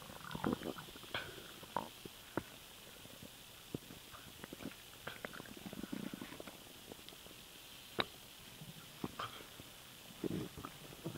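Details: Stomach noise after swallowing air; frequent gurgling pops and bubbling over a steady hiss; harmless borborygmi.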